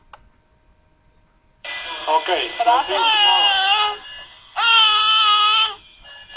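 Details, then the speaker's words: Newborn with hypoxia: high-pitched voiced grunting on each breath out, heard alongside other respiratory distress signs such as nasal flaring and retractions; expiratory grunting. "básicamente se encuentra en recién nacidos escuchemos el quejido y observemos al mismo tiempo otros signos de dificultad respiratoria como aleteo nasal y retracción"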